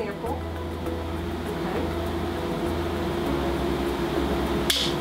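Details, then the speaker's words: Breast biopsy of suspicious mammogram finding under lidocaine local anaesthesia, small skin nick, tiny tissue pieces taken: steady low hum, then one sharp snapping click as the biopsy device samples tissue; biopsy device firing. "Then we make a teeny tiny little knick in the skin, we go in and take just a couple teeny tiny pieces of breast tissue."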